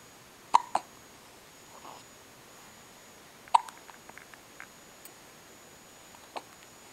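Brief sharp clicking catches over a quiet room hiss, a few seconds apart; hiccups.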